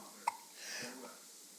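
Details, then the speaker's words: A single hiccup from a subject said to always have hiccups: one abrupt, brief click-like hiccup, then a soft breathy exhale in a quiet room. "always have those hiccups."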